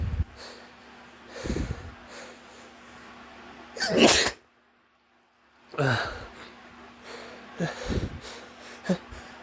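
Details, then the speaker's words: Sniffling and a build-up breath, then a forceful sneeze, a short silence and another strong sneeze with smaller bursts after, set off by dust while packing to move out; repeated sneezing. "oh geez it tickles so much oh it's still there i guess these again i think yep yes geez wow it tickles so much i'm moving out and there's lots of dust"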